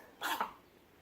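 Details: Pet chicken gives one quick, sharp, two-part snorting sneeze in a quiet room; owner suspects something stuck in its throat and tries olive oil on bread.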